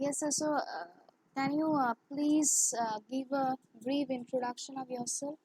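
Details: Woman who has stammered since childhood, stammering more in English and with high-authority persons, using pausing, prolongation and bouncing to control it, with lip movement when blocked; stuttering.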